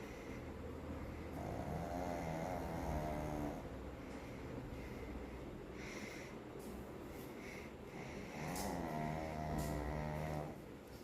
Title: My Pet is snoring like a human 😴